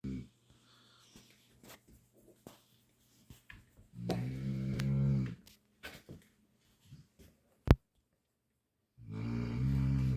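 Low, rough snorting snores on inhaled breaths from a sleeping dog, with soft clicks and rustling between them.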